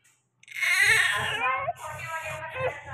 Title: Newborn baby immediately just after birth delivery || Most beautiful boy 😱